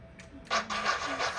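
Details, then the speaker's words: Pulsing whooshing Doppler flow signal with each beat at the pulmonary artery on echocardiogram of a nervous puppy with a patent ductus arteriosus (PDA); owner believes low calcium from purified drinking water caused it. "She's got a blood vessel that's supposed to close off in the first 4 days of life. Right here, I'll see if I can zoom in on it for you. Called a patent ductus arteriosus, or PDA."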